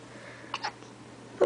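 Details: A baby boy who often gets hiccups, hiccuping: two quick, soft gulping catches close together, then a louder one, in a quiet room.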